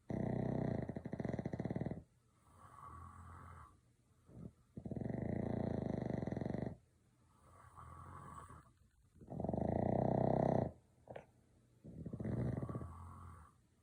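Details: Pet dog snoring: loud, rattly snores on each breath in, about 4 per minute, separated by quieter breathing out.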